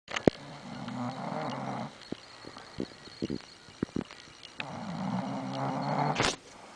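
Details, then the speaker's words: Sleeping dog sprawled out after falling asleep: two long, rattling, low-pitched breaths about four seconds apart with faint clicks and rustling between them, snoring. "Rod est étalé comme une merde. Il s'est endormi. Vous l'entendez ronfler."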